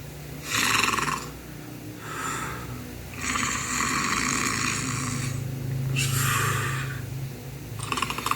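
Loud, rasping snore-like breaths in quick uneven bursts, some long and hissing, from a sleeping bird; snoring.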